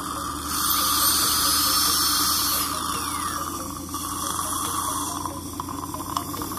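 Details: A high-pitched dental drill whines steadily, then drops in pitch, with suction and room noise behind it, during removal of tooth decay from the lower right second molar.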